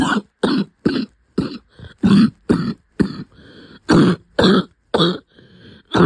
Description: I have had a cough for a few months now that wouldn’t go away. Turns out it was pneumonia, I’m all better now.